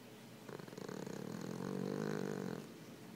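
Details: Boston Terrier snoring while sleeping with eyes open: steady, rapid rattling snore, rising and fading over a few seconds.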